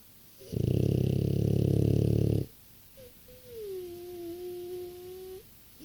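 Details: 6-year-old French bulldog: a loud, deep, rattling snore followed by a high whining sound; snoring in a flat-faced dog.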